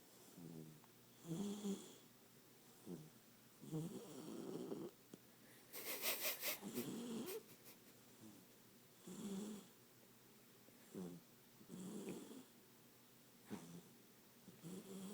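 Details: Soft, irregular snoring with short rattly breaths and faint whistling from a sleeping 14-week-old chocolate Labrador puppy; snoring.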